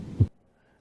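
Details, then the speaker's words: Virtual-reality patient-care training simulator, female trauma patient with injuries: a stethoscope assessment of heart tones after listening to the lungs. A single low heart thump, then silence. "let's do a stethoscope and listen to their lungs all right i can hear her lungs here and here get some heart tones"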